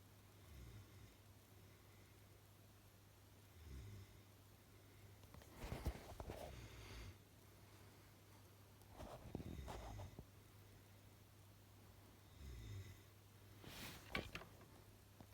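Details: Soft, low snorting breaths at irregular intervals over a constant low room hum. Snoring.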